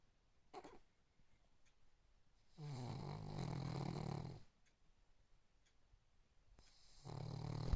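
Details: Snoring King Charly, a sleeping dog: low, rattling snores separated by quiet pauses.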